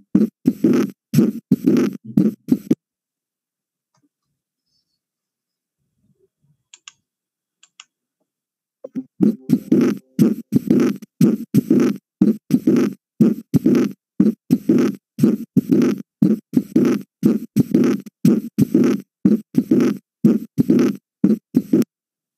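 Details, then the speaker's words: Graham Steell murmur: a diastolic murmur of pulmonary valve regurgitation secondary to pulmonary hypertension, heard at the second left intercostal space beside the sternum; regular heartbeats with a soft blowing sound after the second sound. "está asociado con la regurgitación de la válvula pulmonar en hipertensión pulmonar escuchamos sí"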